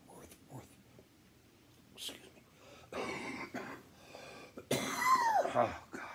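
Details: Adult who is sick, with voice gone and poor sleep, taking a NyQuil-like liquid: three harsh, explosive coughs with throat clearing in a quiet room, the last ending in a voiced exhale; a coughing fit.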